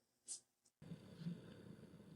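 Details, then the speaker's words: Pet dog snoring while lying on the couch: a low, fluttering snore rumbling steadily after a brief faint hiss at the start. "and you can probably hear my snoring dog I love it because she had to be on the the couch with me"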